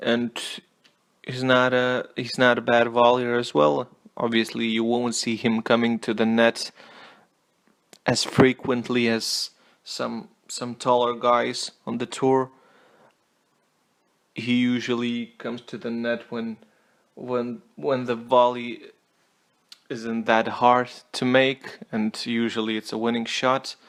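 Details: Adult male self-reported stutterer speaking English as a non-native language; word repetitions; stuttering.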